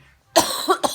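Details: Adult, sick with a cough, before taking cough medicine: one harsh cough followed by a brief second burst.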